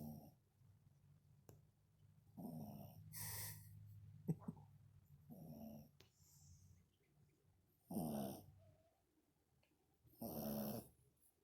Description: My two dogs sleeping on my lap, snoring away.